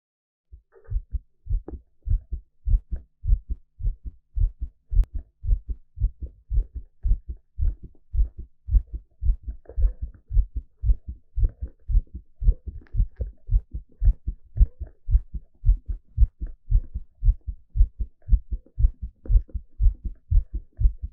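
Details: Live heartbeat recorded during an ECG exercise stress test: strong, steady, low heart thumps at about 113 beats a minute, normal heart sounds with exercise-quickened rate.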